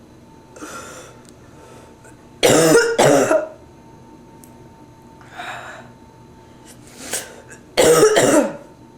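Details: Adult with bronchitis, stuffy nose, sore throat, feeling feverish and cold: two loud paired coughs separated by quieter breaths, bronchitis cough.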